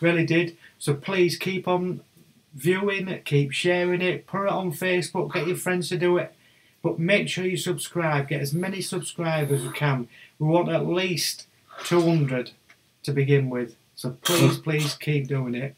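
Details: Adult male speaker; ordinary speech.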